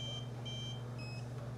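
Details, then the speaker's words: Short high electronic beeps over a steady low hum as the exposure button on an XTG handheld portable dental X-ray unit is held down during a training demonstration; X-ray exposure beeps. "so that's all you need to do is touch hold it down goes BBB knee and then it goes back to green okay so that exposes the x-ray super simple to use"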